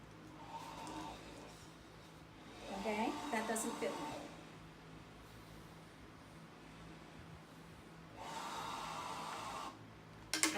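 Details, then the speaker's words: BiPAP machine delivering air through a full face mask: steady rushing airflow with surges of louder flow in a quiet room. "if they sound like an elephant during the night it's because they've turned their head it's not created a leak so it gives you a really now loud noise you just need to readjust it"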